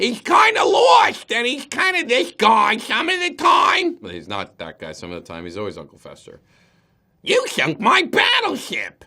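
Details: Acted, not real: actor's character voice, high-pitched with an added back-of-the-mouth speech impediment: imitated speech impediment (backed articulation)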